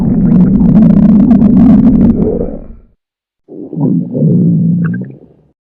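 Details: Morning stomach growling: two long, low rumbling gurgles from the abdomen, gas and fluid moving through the gut (borborygmi).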